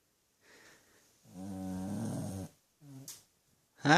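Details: 13-year-old Shih Tzu/Pug mix dog, rescued, snoring while asleep with eyes slightly open: long, rattling snore on the in-breath, then a shorter second snore, after a faint soft breath; snores as loud as most humans.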